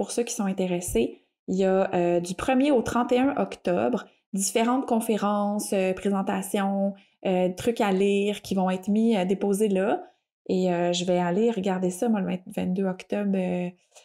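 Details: Adult woman speaking French; normal speech.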